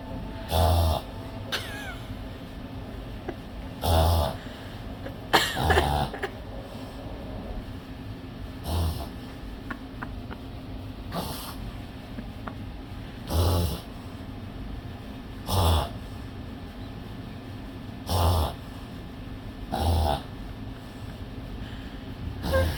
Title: ziggy reverse sneeze